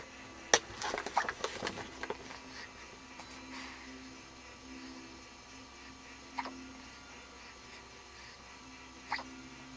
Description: 's got the hiccups...